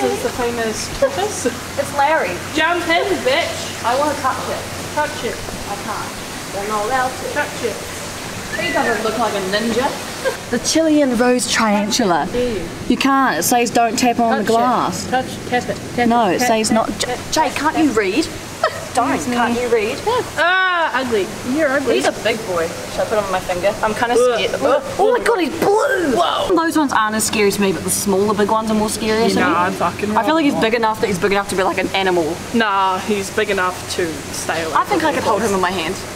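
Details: Vocal tics in a person with Tourette syndrome, heard in public at a museum; sudden swearing and interjections.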